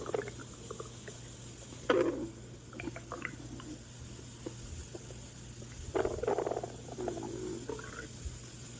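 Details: Gurgling, bubbling rumbles from an adult's stomach: ordinary stomach growling (borborygmi) from gas and fluid moving.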